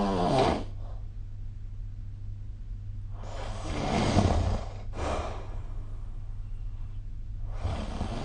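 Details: Snoring recorded with the SnoreLab app: rough, rattling snores, some followed by a shorter snort, over a steady low room hum.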